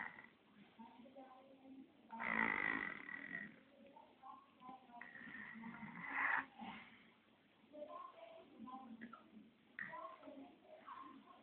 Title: 1 year baby snoring